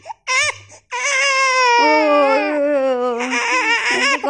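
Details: Infant of a first-time mother, crying repeatedly despite feeding, waking often and refusing to feed; mother suspects gas (kabag); loud, sustained, high-pitched drawn-out wails with brief breaths; infant crying.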